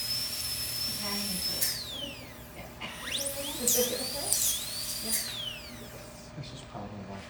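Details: High-pitched whining of a dental drill, rising and falling as it runs, with faint room talk behind it, during a dental procedure on a sedated tiger undergoing a full wellness exam.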